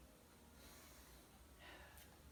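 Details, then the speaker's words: Normal vesicular breath sounds in a 16-year-old patient during a skill-lab lung examination, auscultated from the upper to the middle to the lower chest while the patient breathes deeply. "Pada keadaan normal kita akan menemukan suara nafas vesikuler"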